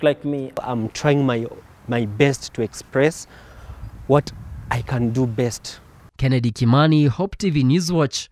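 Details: Man who has stammered since birth and noticed it at age five, with repetitions and pauses; stuttering.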